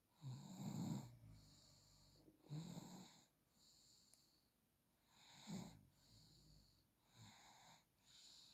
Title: Baby during sleep snore and smile suddenly weak up still happy. He is 8 months and 13 days boy.